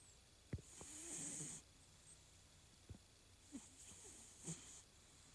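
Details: Siberian cat snoring while asleep and dreaming in bed: two soft, hissy, rasping breaths with faint clicks between.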